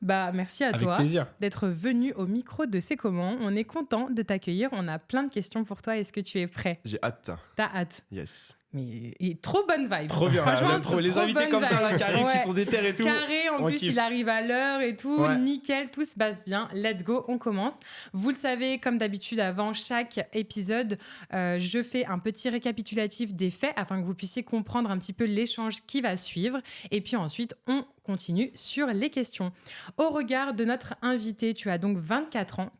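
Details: Adult speakers, podcast-style conversation in French; normal fluent speech.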